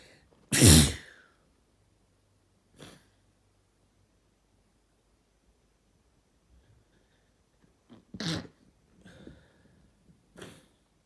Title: long time no sneeze (and noseblow)